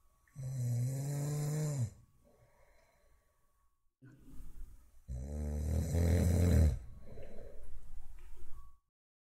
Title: Anti Snoring Devices - Which One Is The Best ?